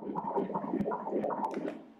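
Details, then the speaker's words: Fetal heartbeat on Doppler during a 19-week pregnancy ultrasound with placental abruption and the fetus in breech (pelvic) presentation: rapid, regular pulsing whooshes, roughly 150 a minute; normal, steady fetal heartbeat. "O iina ua tata ai le fatu o le pepe pepe lelei! Vaai ile fatu i'i"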